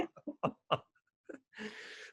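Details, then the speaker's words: Dog snoring in a quiet room: a run of short, snorting bursts followed by a longer rough, noisy breath, heard faintly. "close eye on bsv this week that'll uh that'll get that'll get uh chins wagging as we say can you hear my dog snoring"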